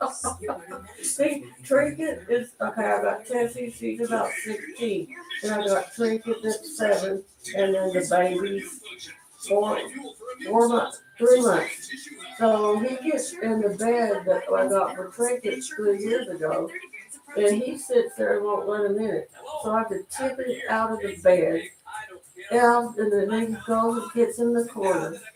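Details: Adult man with cerebral palsy, dysarthric speech during live-stream chat; lives with mother and a caretaker.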